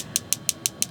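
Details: Focused shockwave therapy at lowest setting (0.1) over anterior shoulder scars for chronic pain after labrum tear and surgery: sharp, evenly spaced clicking taps, about six per second, from the device delivering pulses.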